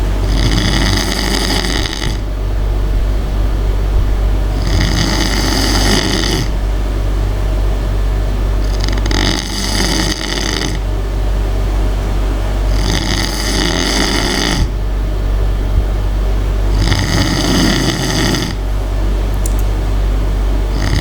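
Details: Sleeping friend snoring: loud, deep rattling snores on each breath in, about 15 breaths a minute, over a steady low hum of room noise.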